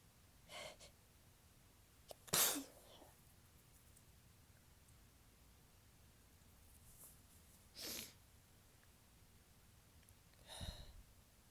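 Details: A mild morning sneezing fit: several soft, airy, tickly sneezes spaced a few seconds apart in a quiet room.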